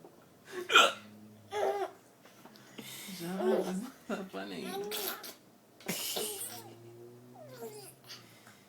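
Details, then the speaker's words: Hiccups in an adult father while feeding his young son yogurt: several short, abrupt hiccup sounds mixed with the child's laughter and babbling. "he's laughing at daddy's hiccups shut up it's not that funny"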